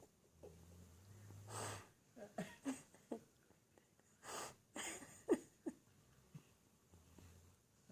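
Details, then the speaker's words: Sleeping, dreaming Pit bull snoring with lip flapping: soft breathy exhalations with fluttering, popping sounds of loose lips, likened to a propeller; not a cough. "Video of the dog snoring and blowing lips."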